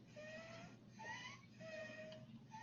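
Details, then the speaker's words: Child with croup, described as very sick with airway swelling and a high-pitched barky cough: high-pitched squeaky noises on breathing in, then a brief cry; inspiratory stridor. "you hear that that's wheezing that strider also coming up that's all the noise that's squeaking by the trachea"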